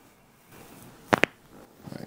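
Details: Chiropractic upper thoracic spine adjustment with traction and deep breath, on an adult woman with severe neck, shoulder-blade and upper back tightness, restricted motion and pain after travel: two quick sharp joint-cavitation pops close together.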